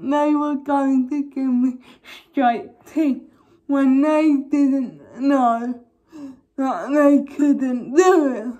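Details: Young woman with cerebral palsy causing involuntary movements, recently fitted with braces on top and bottom teeth; dysarthric speech in cerebral palsy.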